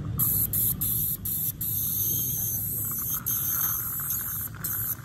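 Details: High whine in on-off bursts over a hissing water spray and low room hum, from an ultrasonic scaler removing long-standing tartar from a patient's teeth; ultrasonic dental scaling.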